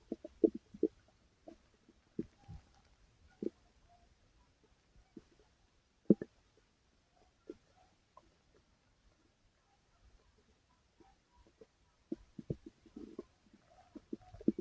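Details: Person's own stomach growling (borborygmi), recorded while still active: irregular low gurgles, squelches and brief rumbles with quiet gaps between them.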